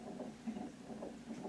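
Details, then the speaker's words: Fetal heartbeat of a baby boy heard on a Doppler at the mother's doctor's appointment: rapid, rhythmic whooshing pulses with some static, the baby moving oddly. "but listen you can hear heartbeat so that's our son yeah he's doing something weird in there"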